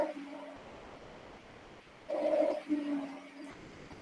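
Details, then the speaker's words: Wheezes in a veterinary lecture on respiratory patients: musical, whistling continuous lung sounds over faint hiss, from narrowed large airways and bronchi, e.g. early bronchitis with mucosal edema or asthma, usually in the expiratory phase. "las sibilancias son ruidos continuos errantes parecido a los silbidos audibles sobre todo en los pulmones en suelen presentarse cuando hay un estrechamiento de las vías aéreas grandes"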